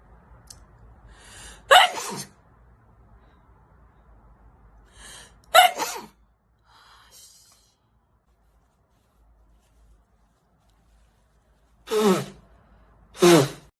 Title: Beautiful asian girl sneeze